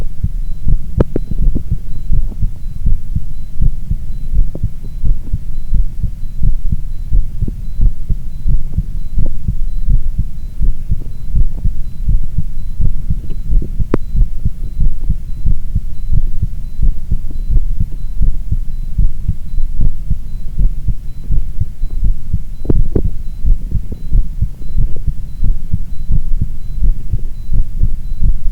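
Steady low heart thumps at about 86 beats a minute, with a few brief rustling bursts from body movement.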